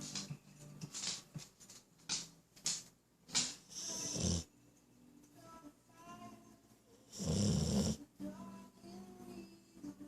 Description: My Sweety snores while he Is awake.